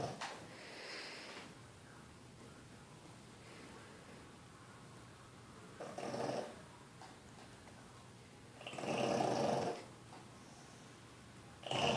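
Loud, harsh snorting snores, breathing in and out during sleep, typical of a flat-faced dog's noisy airway.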